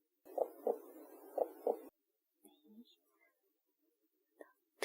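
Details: Acted ASMR check-up roleplay, stethoscope on the heart while the patient is told to breathe in, out and hold the breath: two paired heartbeats over a steady hiss, about 60 a minute, normal heart sounds.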